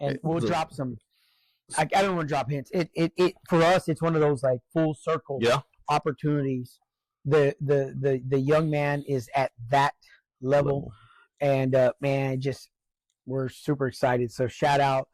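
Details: Adult man with acquired neurogenic stuttering since a stroke, occasional and mainly on words starting with S and R, where the word won't come out; in therapy; word repetitions heard in this clip.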